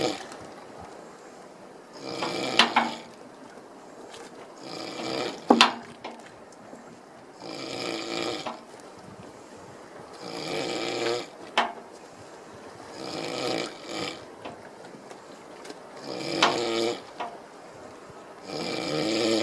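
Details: Snoring: loud, rough snores with wet, gurgling breaks, about seven in twenty seconds, each followed by a quieter pause.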